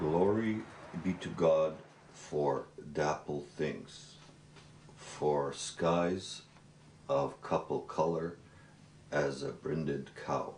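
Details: Man who has stuttered since he began speaking, with repetitions and broken phrases; stuttering.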